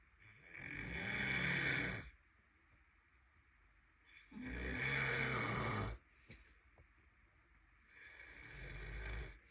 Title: It’s not even that loud #relatable #snoring #youtube #trending #comedy #goneviral #tiktok